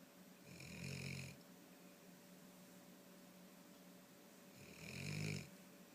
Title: Hershey with Duckie - Snoring